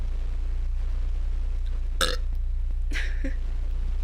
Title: Burds n burps